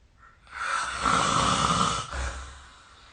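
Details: One loud, harsh, rattling snore on inhalation fading into a softer exhalation, recorded with the SnoreLab snoring app; snoring.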